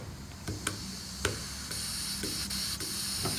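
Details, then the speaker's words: Handheld mask nebulizer driven by an oxygen tank starting up, with oxygen passing through the liquid medication to make mist: steady hissing of oxygen flow with some clicks and handling noise. "we can see that now is causing the Harris less so the oxygen goes through the liquid it makes it into this mist that now they're able to breathe in"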